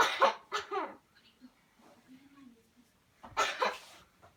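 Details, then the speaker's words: Three deliberate deep voluntary coughs, a quiet gap, then another strong cough, done on count after paced breathe-in/breathe-out cycles as a demonstration of a cleansing coughing technique. "okay here we go one two three put in deep deep deep cough"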